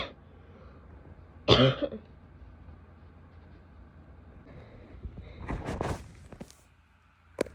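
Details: Coughing in a female: one loud harsh cough, then a quieter throaty cough with throat clearing and a sharp final burst, some spitting, quiet room.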